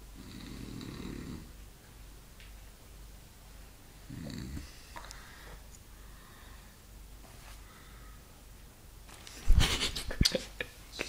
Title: Snoring Beauty 2!!!!!!!!!!!!!